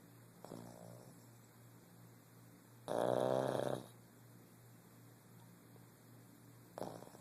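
Quiet breathing with one loud, rattling snore on the in-breath, plus a softer snort at the start and end.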